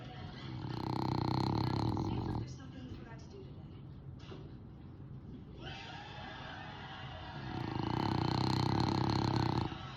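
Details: Sleeping French bulldog: two long, loud, rumbling snores on breathing in, separated by a quieter out-breath; heavy snoring.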